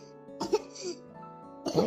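Two short, harsh cough bursts from a child over steady background music.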